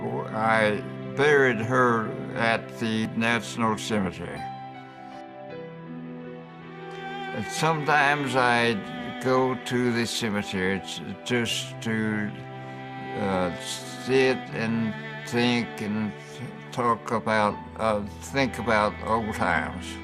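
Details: Man with aphasia after a stroke, a lifelong condition, speech with hesitations and word-finding pauses; aphasia.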